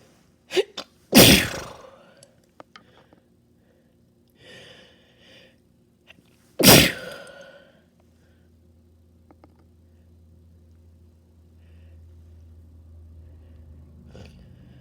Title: Wet spray sneezes on cd